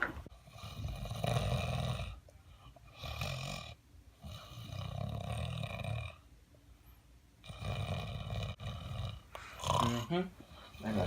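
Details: A woman snoring in bed: loud, rough, rattling snores with each breath, about five, separated by quieter pauses; the final snore ends in a snorting, roar-like sound.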